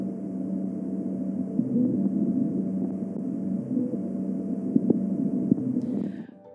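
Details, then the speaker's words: Steady, continuous mechanical hum auscultated over the chest, confirming a running ventricular assist device (VAD), in a VAD CPR training demonstration. "you should next auscultate over the chest to confirm the hum of the VAD if you auscultate you'll hear a sound something like this"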